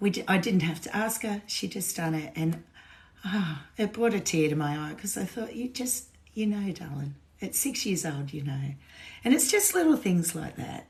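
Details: Woman with essential tremor, voice tremor worse than usual today after two days of drinking alcohol, with alcohol withdrawal shakes on top of her essential tremor; voice tremor (essential tremor).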